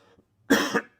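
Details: Adult man recovering from a cold: a single short, harsh cough in a quiet room.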